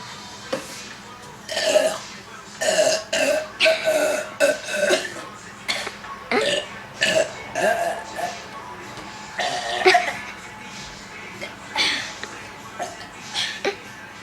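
Repeated loud, drawn-out belches, several in a row over background music, are the sound of burping after a fizzy drink.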